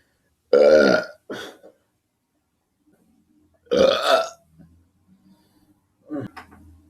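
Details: Two loud, drawn-out, throaty burps with shorter tails, then a softer one; repeated belching.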